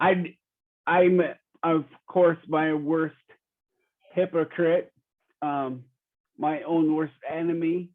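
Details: Real 45-year-old man with rare primary progressive apraxia of speech; knows the words but they don't come out clearly; speech declining since a previous interview; apraxia of speech.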